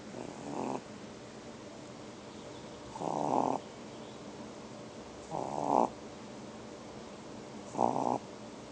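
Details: 2½-month-old tiny animal snoring while asleep: short, soft rattling snores about every 2.5 seconds, roughly 25 per minute.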